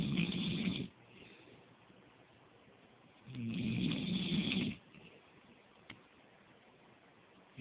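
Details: Adult snoring while asleep on a couch, recorded by a partner: two long, rough, rattling snores on breathing in, separated by quiet breathing out.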